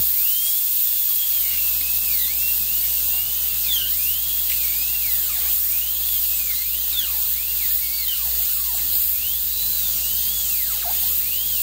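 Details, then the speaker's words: High-speed dental drill with bur cutting access through the worn tip of a human canine tooth with a large white filling, root canal on the bench: continuous high-pitched whine with gliding pitch dips. "so for the access I'm just going to use a drill bit a high speed drill"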